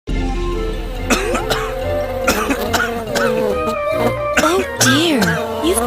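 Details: Several short, sharp acted coughs over steady background music in an advertisement for herbal cough syrup; a simulated cough.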